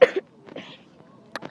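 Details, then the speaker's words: An adult with hay fever gives a short, sharp cough, then a quiet pause and a brief second burst. "Hey guys, I'm recording and I only want to tell you if you hear us coughing most of my videos, then I've got hay fever, so I cough a lot."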